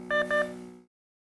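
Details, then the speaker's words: Two quick electronic beeps, a rapid alarm sequence from a Nonin RespSense/LifeSense sidestream capnography monitor signaling end-tidal CO2 or respiration rate outside set limits; capnography monitor alarm. "you will hear a rapid beep sequence and a flashing of the limit exceeded on the display other alarms with the slower beep speed may occur indicating an equipment related event you need to resolve"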